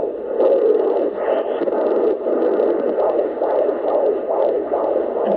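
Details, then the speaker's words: Fetal heartbeat on Doppler in a first pregnancy, recorded at a doctor's office: fast, regular whooshing pulses at about 140 beats per minute, described as strong. "so that went great I had my video from my hubby to hear the baby's heartbeat I think he's at 140 heartbeats heartbeats 140 was his heartbeat rate"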